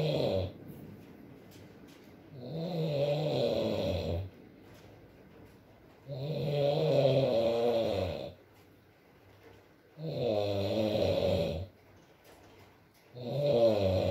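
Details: Adult male (boyfriend) snoring in sleep, recorded for ASMR: rumbling snores on each in-breath, about 17 per minute, over steady rain background; ordinary snoring.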